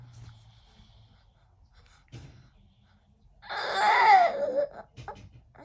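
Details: Infant's quiet breathing broken by one loud, noisy, squeaky gasp lasting about a second: weird gasping breathing.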